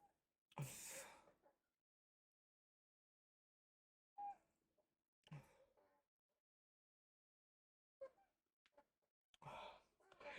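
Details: Several loud, breathy gasps and sighing breaths separated by silent pauses in a quiet room, after chugging a Diet Wild Cherry Pepsi while trying not to burp; gasping for breath.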